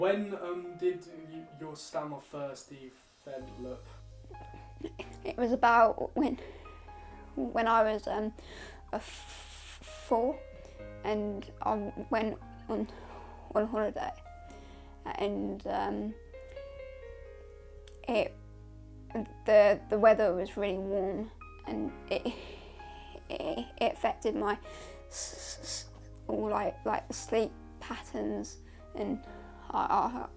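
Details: Male interviewee whose stammer began when he was young, lasted about a year, stopped, then later returned, affecting his confidence and social life; stuttering.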